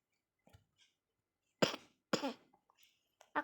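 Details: Two sharp coughs in quick succession, then faint throat sounds and the start of another cough, in a quiet room; the speaker says they currently have a cough while playing Roblox Brookhaven.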